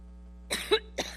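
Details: Adult woman coughing while giving a speech in New York: three short, sharp coughs in quick succession over a steady low electrical hum; a brief bout of coughing.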